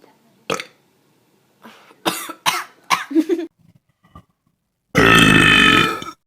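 A run of loud, rumbling belches of varying length, ending in one long drawn-out burp; burping.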